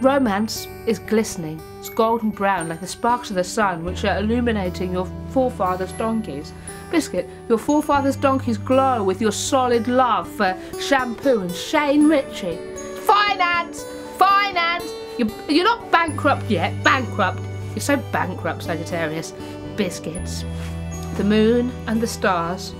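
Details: Adult female with Tourette syndrome; vocal tics with repeated and interjected words such as "Finance", "Bankrupt" and "Biscuit" (Tourette syndrome).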